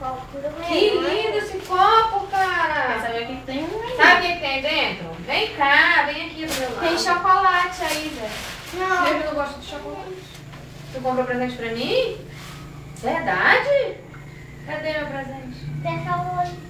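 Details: Adult woman speaking Portuguese to a young child; typical adult speech.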